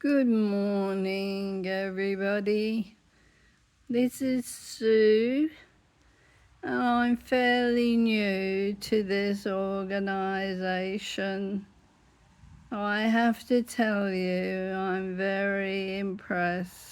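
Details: Laryngeal dystonia in an adult woman with whole-body dystonia whose larynx closes up, sometimes leaving her unable to talk; illness began 1985, symptoms worsening over 10 to 15 years.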